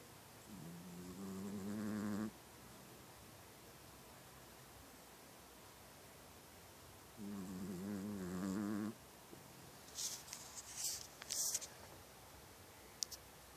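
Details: Mouse snoring: two long, buzzing, fluttering breaths about six seconds apart, then a few faint clicks and rustles.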